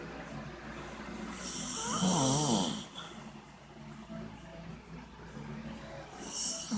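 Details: Ordinary snoring in a sleeping adult man (dad): one loud, rough, rumbling snore on inspiration, then quieter noisy breathing.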